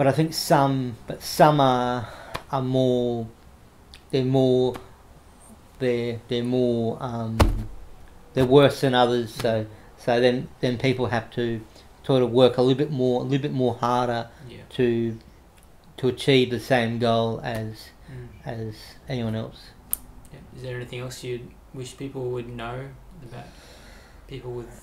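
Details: Adult man with cerebral palsy after severe meningitis in infancy, affecting right arm and leg, who reports a mild stutter he tries to control by calming down; repetitions of words and phrases audible; stuttering.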